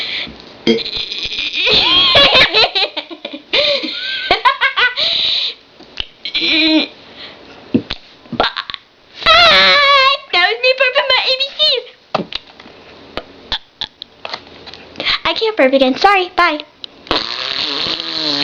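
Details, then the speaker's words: Person deliberately burping the alphabet (ABCs): a long run of voiced, voluntary burps shaped into letter sounds, with brief laughter between them; burping. "Hi, my name is, and I am going to burp my ABCs."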